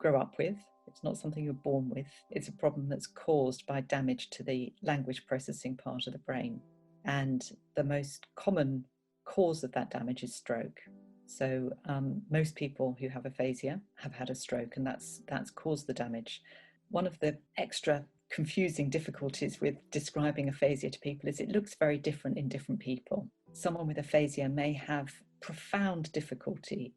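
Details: Adult woman; normal speech.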